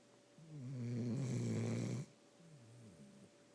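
One loud, drawn-out rumbling snore on the in-breath, then a softer breath out in a quiet room: snoring.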